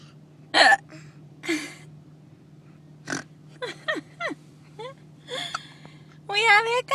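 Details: Two people having a hiccup battle while sitting in a car: several short, sudden voiced gulps with brief pauses, mixed with voices and a steady hum; hiccups.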